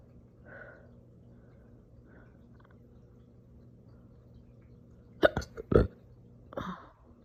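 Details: Slow but very aggressive, painful hiccup-burps after breakfast: forceful hiccup jolts and short belches over a steady low room hum.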